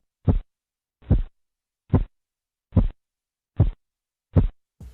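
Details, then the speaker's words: Phase III Korotkoff sounds during blood pressure measurement: blowing murmur gone, crisp, louder regular tapping beats at about 72 per minute with no swishing between them. "En el tercer ruido, el murmullo o soplo desaparece, escuchando un ruido más nítido y de mayor intensidad."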